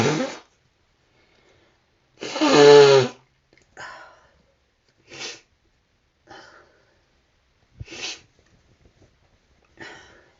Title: Gotta sneeze.....